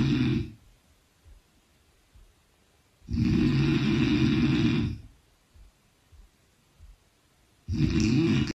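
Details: Loud, harsh, rattling snores, each about two seconds, every four to five seconds with quiet pauses between; snoring.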